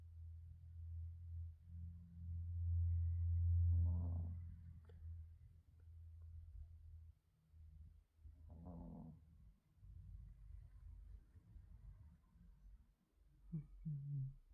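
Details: 8-year-old female Chihuahua, recently spayed, with false pregnancy and weight gain, asleep at home after major trauma; soft, low rumbling snores with a snorting breath about every five seconds: snoring.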